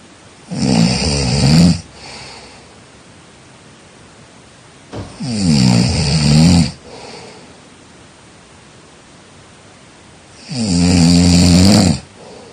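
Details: Loud, rattling snoring on each inhalation, about 12 per minute, with quiet exhalations between; snoring during sleep, framed as a danger and as noise pollution.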